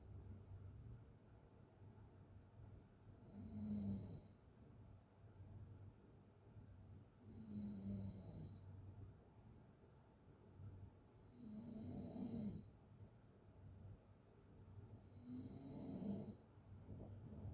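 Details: Person snoring with an open mouth during sleep: soft snores with a breathy hiss, about 15 breaths a minute, over faint room hum.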